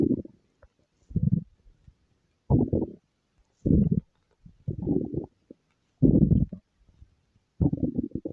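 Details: Repeated low gurgling rumbles in irregular bursts: ordinary stomach growling.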